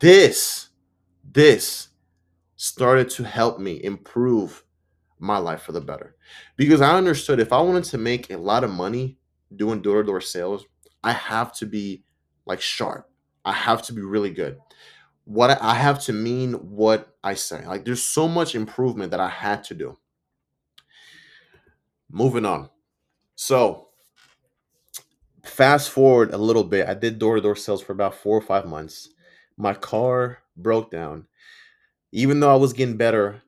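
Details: Stuttering in an adult man who reports that he stutters and sometimes mispronounces words; his own spontaneous speech, with audible sound and word repetitions.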